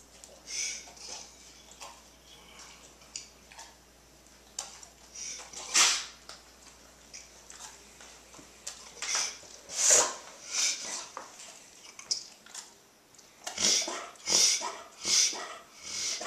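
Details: Mild reverse sneeze in a dog: bursts of quick, hissing, snorting inhalations through the nose.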